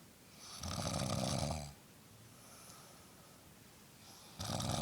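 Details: A brother who denies snoring gives two loud, rough snores on inhaling, with quiet breathing between them: snoring.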